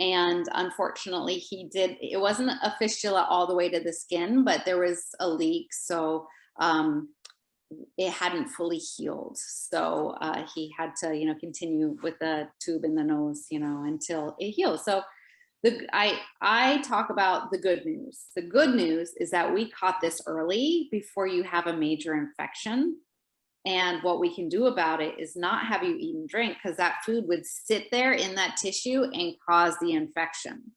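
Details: Adult woman speaking; Typical speech.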